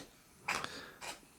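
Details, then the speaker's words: Female cat with sinus infection, day 2 of antibiotics, having a coughing fit: two brief, harsh, airy bursts. "That's my cat who is fighting I'm allergic to cats, Jeff. Sinus infection, and she's on day 2 of her antibiotics, and she is having a coughing fit at the moment, as you can hear."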